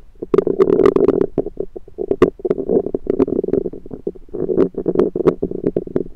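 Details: Continuous gurgling and rumbling recorded over the abdomen with a USB stethoscope: active bowel sounds from gas and fluid moving through the gut.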